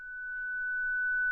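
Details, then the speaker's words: Zoll Zenix defibrillator/monitor charged for synchronized cardioversion, disarmed with the red disarm key: a steady, pure electronic tone about a second long, the disarm tone when the charge is cancelled. "If Zenix needs to be disarmed at any time when charged for a cardioversion, select the red disarm key located on the right of the defibrillation dashboard."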